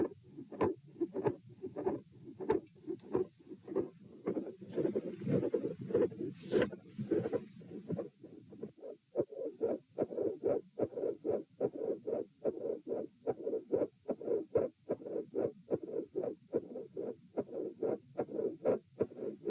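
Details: Heart sounds during an auscultation stress test at position E, first 12 s lying, then sitting, standing and lying again: regular beats with a midsystolic click, a midsystolic murmur and a split second sound.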